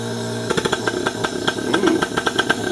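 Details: Vortran Percussive Neb being set up during unboxing: steady hiss, then rapid rhythmic popping pulses begin as the percussive nebulizer starts delivering percussive breaths.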